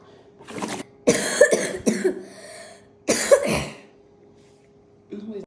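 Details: Child gives several short, dry coughs in a row during a breathing exercise of inhaling through the nose and blowing hard into a straw; residual cough.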